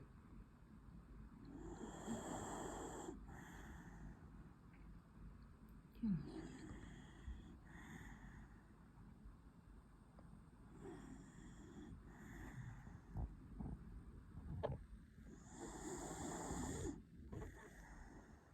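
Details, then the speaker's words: Sleeping small dog: slow, rough snorting breaths with soft whistling on some cycles; snoring. "храпит песик. Сладенько спит и храпит."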